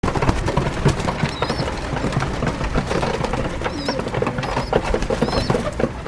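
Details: Female pigeon squeaking and coughing: several thin, high squeaks amid short rough coughing bursts over steady low background noise.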